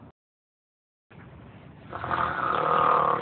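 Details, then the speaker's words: Acted imitation of heavy snoring: after a brief silence, a rough rattling breath builds into a loud, harsh snore, likened to an electric saw. "כפרה תשמע כמו מסור חשמלי את חייבת לטפל בזה מה זה אי אפשר לישון פה"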